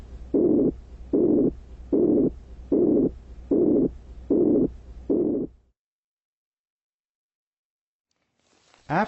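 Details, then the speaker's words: Teaching recording of abdominal auscultation with firmer stethoscope pressure over aorta, renal, iliac or femoral arteries: rhythmic whooshing swishes at about 76 a minute from turbulent arterial flow; abdominal bruit. "you should hear no vascular sounds if present a brewery sounds like"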